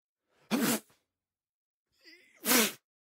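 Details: Two sneezes from an adult man, each a sharp explosive burst of air, with a voiced indrawn breath leading into the second; sound-effect recording.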